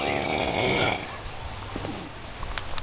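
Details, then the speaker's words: Drunk adult man asleep in a tent while camping outdoors: a loud, rough, rattling snore lasting about a second, then quieter outdoor background noise; snoring. "right now here in toand we've got two different tants side by side and in those tents we've got some snores"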